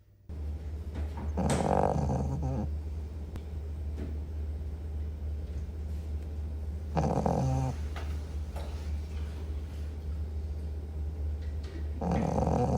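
Rough, rattling snores in recurring breaths against steady room hum; snoring.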